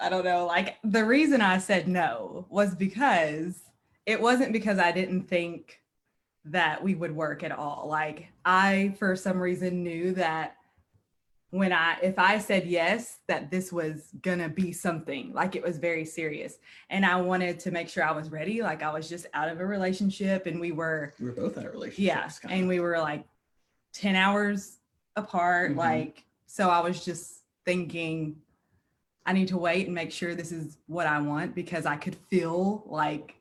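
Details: Adult woman speaking; normal conversational speech.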